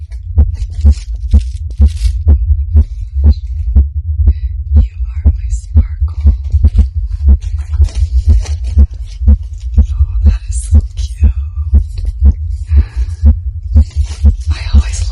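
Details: An adult woman's own heartbeat, stated as over 130 BPM, loud and regular at about 120–130 a minute; a fast heartbeat from excitement while unboxing a reborn doll at her baby shower.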